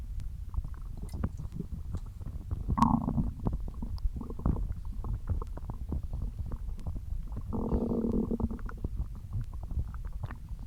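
Low gurgling and bubbling rumbles with a couple of longer tonal growls, typical stomach growling (borborygmi) from gas and fluid moving through the gut.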